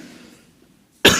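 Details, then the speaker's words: A single sharp, loud adult cough after a quiet stretch with faint room hum, from a preacher with a hoarse voice during a sermon. "minta maaf agak batuk-batuk Suaraku serak serak basah"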